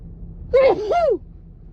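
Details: A woman with a cold and stuffy nose, tickly nose causing repeated false starts: a loud voiced 'ah... ahh' build-up with gasping intake that trails off without the full sneeze.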